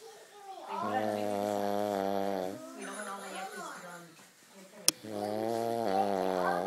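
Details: Heavy snoring: loud, deep, drawn-out buzzing snores with a softer noisy breath between them and a brief click.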